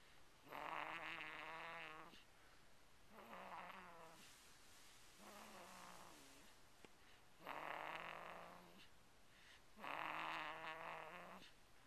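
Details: Snoring at 5 weeks of age: loud rattling snores on each breath, about 5 in 12 seconds, with quieter breaths between them.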